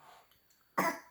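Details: 17-month-old toddler learning to cough into a covered hand: a single short, deliberate, practiced voluntary cough after a quiet moment, not a sign of illness.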